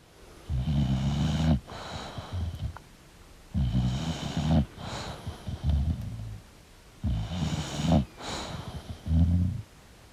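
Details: Sleeping English Bulldog snoring: loud, rattling snores with snorting breaths, about 18 a minute.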